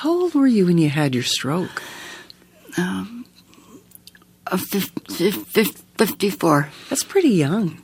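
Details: Adult woman answering an interviewer; aphasia (word-finding difficulty).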